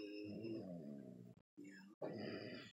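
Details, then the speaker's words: Deep, rough, low-pitched rattling breaths with brief pauses from a sleeping 2-year-old boy: loud snoring. "look at that 2 years old snoring like a 1948 Buick"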